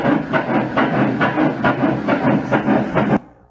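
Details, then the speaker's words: Fetal heartbeat on ultrasound: rapid whooshing, galloping pulses at about 140 a minute. "아이가 뱃속에서 임신이 되자마자 한 달 안에 심장이 생깁니다 심장이 생겨서 점프점프 뻥 펌프질을 하고 있어요"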